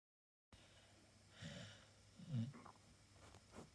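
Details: Two soft, snorting breath sounds from a sleeping Staffordshire bull terrier in a quiet room: light snoring.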